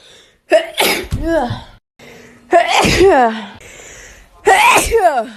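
Three voiced, explosive sneezes in a row, each with a sharp onset and a falling tail, separated by short breaths.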